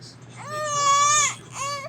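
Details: Two-month-old baby girl crying, upset by hiccups: a sustained, strained fussing cry followed by a shorter second cry.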